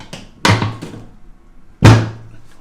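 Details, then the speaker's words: Two loud banging thuds of a chiropractic drop-table section releasing, with a softer knock between, during a lower-back adjustment with the left hand on L5 and slight rotation. "i'm gonna lift the table this is gonna make a banging drop noise okay so i'm going to put my left hand on l5 i'm going to do a little rotation and set it one more"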